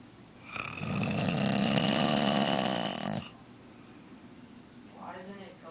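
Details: Serious snoring: one long, loud, harsh rattling snore on an inward breath, then quiet; a heavy snore in a sleeping adult.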